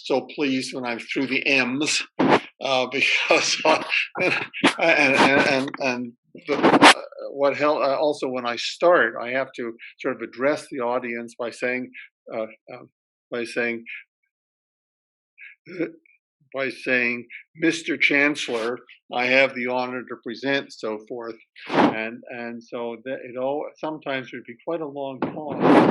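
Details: Retired male academic who stutters; spoke only with great difficulty when young, now has reasonably good control most of the time; part-word and word repetitions heard; stuttering.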